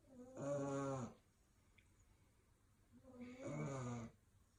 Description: English Bulldog Puppy 🐶 snoring